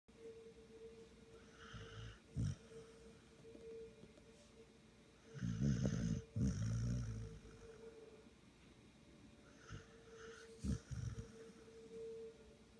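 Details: Ordinary snoring: low rattling snores in a few irregular bursts over a steady faint hum.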